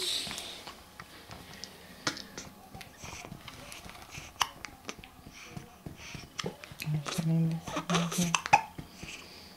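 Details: Baby with recurrent hiccups: brief sharp hiccup clicks at irregular intervals, with soft adult voices and room noise in the background.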